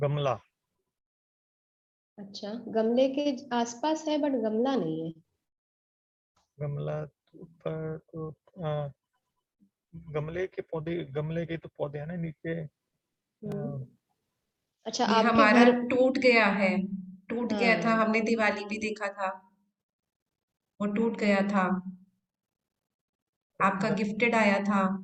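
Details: Adult man with aphasia in an online conversation-practice class with a speech-language pathologist, doing a timed picture-description task; the therapist notes he rushes to finish and has difficulty recalling words: aphasia.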